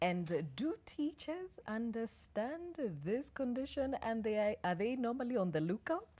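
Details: Adult woman speaking; normal speech.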